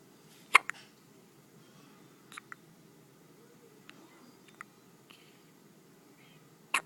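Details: Infant with hiccups: a series of short, sharp, squeaky hiccups every one to two seconds over a low steady room hum.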